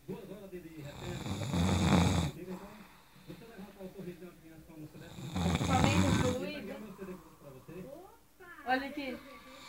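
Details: Snoring: two loud, rattling snores, with people talking quietly nearby between them.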